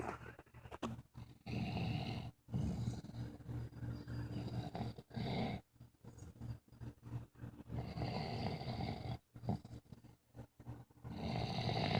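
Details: Old man snoring in sleep: loud, rough, low rumbling breaths repeating irregularly with short pauses between.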